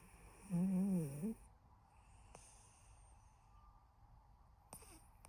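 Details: Gentle snoring in a sleeping cat: one soft, wavering snore lasting under a second, then quiet breathing with faint clicks; a harmless finding.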